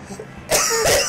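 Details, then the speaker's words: Cough from an adult gamer with a lingering cold, described as incessant coughing while playing a video game; cough. "I'm liking this music. Can't hear it over my incessant coughing."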